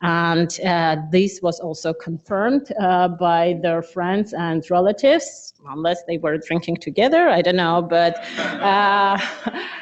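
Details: Adductor spasmodic dysphonia, the most common form, with involuntary laryngeal muscle spasms during vocal fold closing; a patient example reading sentences.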